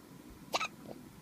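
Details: Newborn boy, 8 hours after birth, hiccuping: a single short, abrupt catch of breath with a faint voiced squeak in a quiet room.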